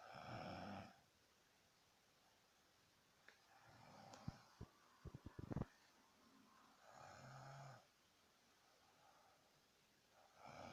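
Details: 16-year-old boy snoring while sleeping with his head positioned poorly; repositioning his head stopped it: rasping snores on breaths in, about every six seconds, with a few soft clicks between, in a quiet room.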